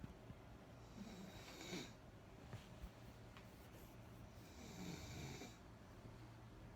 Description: Yes I would love to share the same bed with this girl but the snoring is just out of control.